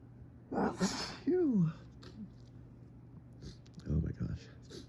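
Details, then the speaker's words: A sharp explosive sneeze followed by a rising-falling exclamation and softer breathy sounds, part of an evening chain of sneezing fits from fall allergies, with mold or ragweed suspected. "Oh, my nose is so sensitive this evening. Holy crap. I felt this one building up and immediately grabbed my phone because I was like, oh, here comes another one. Here comes another fit."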